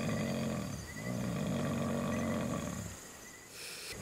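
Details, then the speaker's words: Adult snoring very loudly at 1 a.m. at a mountain trek campsite: low, rough rumbling snore breaths fading into quiet outdoor night background. "ready 1 a.m. in the morning and I can't sleep because that is snoring very loudly you hear that"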